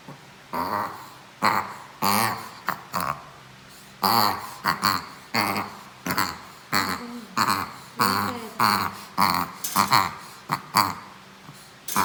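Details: A 7-month-old Shih Tzu makes repeated harsh, snorting honks in quick irregular runs; the owner asks whether this is reverse sneezing.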